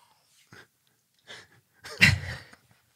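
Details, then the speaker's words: Abrupt vocal tics in a person with Tourette's during a podcast recording: brief sharp vocal bursts and squeaks ending in a loud explosive sneeze-like cry; speaker says the tics increased after being triggered by recording. "i wasn't this i i didn't have all these ticks before we started recording we just got so triggered yeah yeah i think so"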